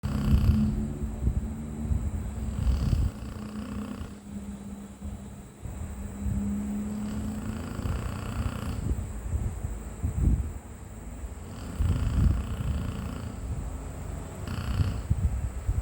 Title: I thought it was people! but OMG!! #pitbull #snoring #bali #funny